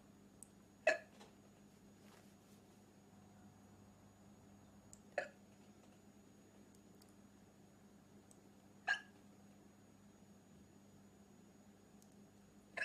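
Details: Girl hiccuping: sharp, brief hiccups recurring about every four seconds against a steady background hum; ordinary hiccups.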